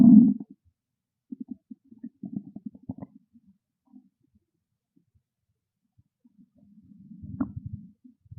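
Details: Bubbling gurgles and a drawn-out low growl from a hungry stomach in a quiet room; ordinary borborygmi.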